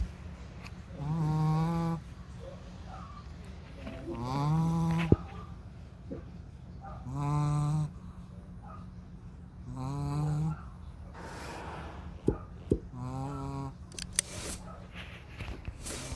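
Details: Sleeping dog snoring: four rattling, buzzy snores on the in-breath, about 20 a minute, with quiet pauses between them and faint room noise.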